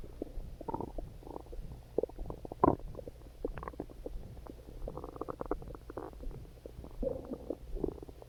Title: Hungry Stomach Growling